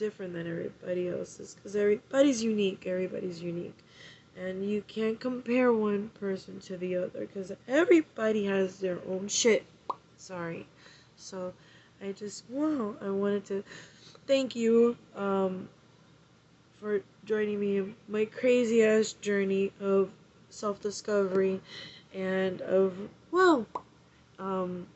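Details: Vocal tics in a 39-year-old woman with Tourette syndrome, with a sudden interjection tic mid-speech.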